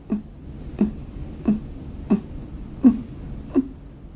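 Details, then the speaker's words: Child breathing with difficulty: short, low grunts repeat with each breath out, about 80 a minute; expiratory grunting, a sign of respiratory distress requiring immediate medical help. "many children with pneumonia will make a noise like this when they breathe out this is called grunting"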